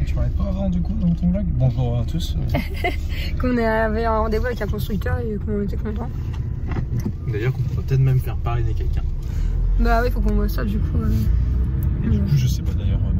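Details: Adults speaking in a car; normal voice.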